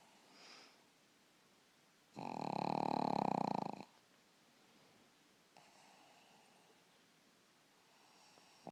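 One loud, rattling snore lasting about two seconds, with fainter breathing noises before and after; snoring from a flat-faced dog.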